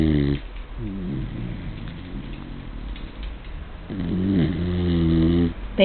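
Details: A resting pet snoring while asleep: low, rough, drawn-out breaths with a fluttering buzz.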